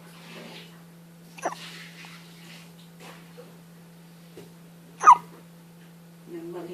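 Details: Baby's first hiccups: a few short, abrupt bursts over a steady low hum, ending with a faint vocal sound.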